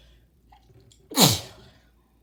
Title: Wet sneeze